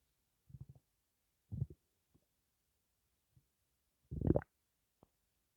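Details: Stomach rumbling while breathing in and out, with only gas and air inside and hunger possibly to blame: a few short low gurgles and rumbles separated by silence, one louder burst near the end.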